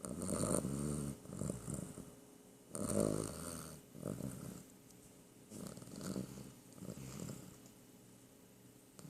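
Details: Sleeping cat snoring: repeated rough, fluttering sleep breaths, about four to five in nine seconds, rising and falling.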